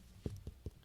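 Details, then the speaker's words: Finger percussion demonstration: three short, soft, low thuds showing the note used to track the fluid level in a crash victim's chest filling with fluid or blood. Dull percussion note. "One lady had fluid or blood filling up in her lungs. You can tell the level of fluid."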